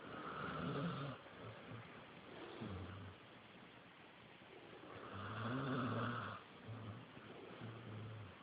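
Slow, regular rumbling snores from a sleeping dog, roughly one long snore every four to five seconds; ordinary snoring.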